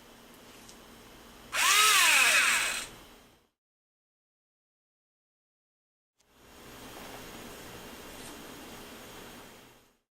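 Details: Brief loud motor whine rising in pitch, then silence and a softer hum; a powered intraosseous drill placing a catheter into a model.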